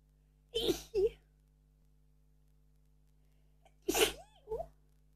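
Two sneezes in quiet, each a quick double burst with a short intake before it.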